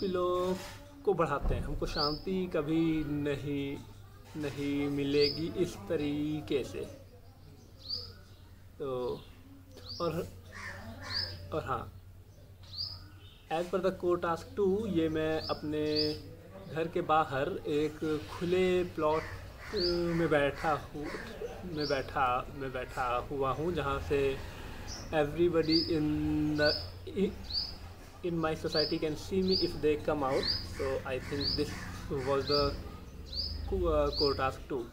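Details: Adult male speaker; stammering.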